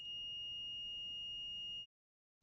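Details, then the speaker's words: Steady, unbroken high-pitched tone that cuts off abruptly: an Omnipod DASH insulin pump hazard alarm, the high-priority alarm that often deactivates the pod, stopped by reading the message on the PDM and pressing OK. "pour arrêter une alarme de danger allumez le gpd elysées le message sur l'écran verrouillé après avoir entré votre code d'accès lisait le message à l'écran puis touchez ok sur le gpd pour arrêter la larme"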